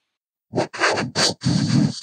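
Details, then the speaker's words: Simulated cochlear-implant speech from a series that varies implant resolution (number of electrodes): a brief phrase with a hissy, buzzy vocoded texture and syllables that are hard to make out. "here are some samples of what cochlear implant simulations sound like this is the same speech and music in both in both columns uh and what's changing is the resolution of the implant"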